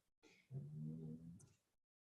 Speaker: my dog is snoring do you hear that